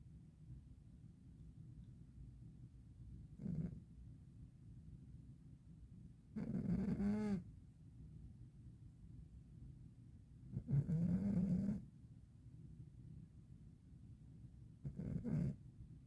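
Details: 12-year-old cat with rhinitis, asleep on the floor in winter: soft, nasal, whistling snores, four in about sixteen seconds; snoring.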